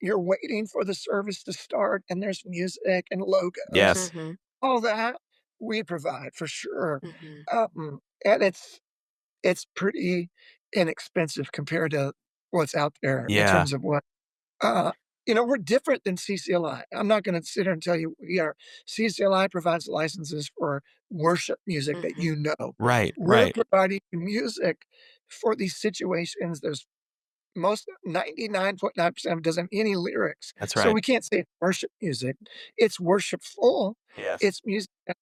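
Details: Adult male former lead vocalist who began losing his voice at the height of his career; self-reported spasmodic dysphonia, which he says is audible in his voice.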